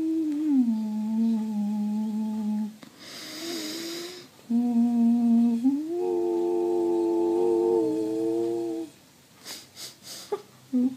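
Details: Professional female singer with left vocal cord palsy, voice failing from 2017, diagnosed 2018, on a higher-functioning day doing straw phonation exercise; throat feels pinched, kazoo-like sound, a stop in part of her range: dysphonia in vocal fold paralysis.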